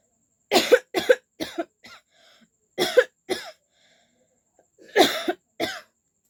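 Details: About eight short, harsh cough bursts in three clusters with quiet gaps, a real cough from a person with a cold, recorded for a coughing challenge.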